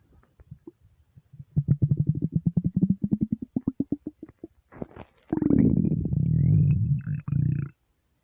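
A run of quick low gurgling pulses, then a long deep rumble from the belly; normal bowel sounds of an empty stomach.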